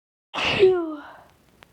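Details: Deliberately induced sneeze in a person with a very sensitive nose who suspects they may be getting sick: a single sharp, voiced sneeze with an explosive burst and falling vocal tail.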